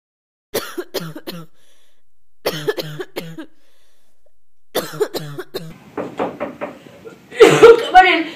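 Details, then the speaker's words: Person coughs during a simulated pharmacy consultation role-play, followed by apology and speech: cough. "oh i just coughed my hand okay i'm sorry it's okay i'm okay"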